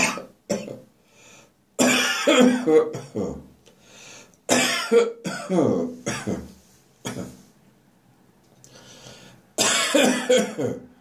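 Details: Persistent harsh winter morning cough that refuses to go away: repeated harsh, rough adult coughs in short clusters, some with a strained voiced edge.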